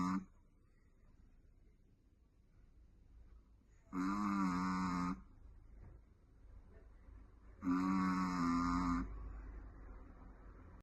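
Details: Chihuahua named Richie asleep, snoring: two loud, drawn-out rattling snores about four seconds apart, roughly 15 a minute, with quiet breathing between.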